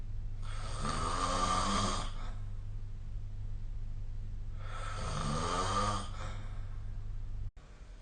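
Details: Snoring during sleep, recorded with a phone snore-tracking app: two long, rough, rattling breaths roughly four seconds apart over a low steady hum.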